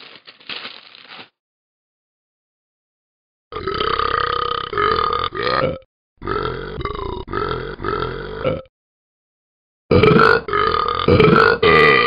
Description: The Burping Never Stops!!!!!